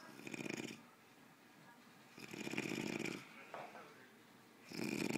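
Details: Man asleep on a recliner with loud, rough, rattling snores in a slow rhythm and quiet breathing between them, in a small room: snoring.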